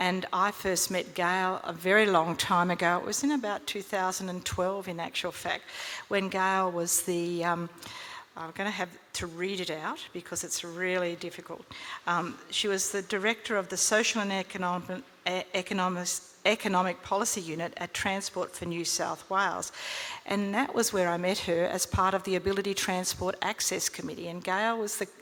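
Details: Adult woman speaking; ordinary speech.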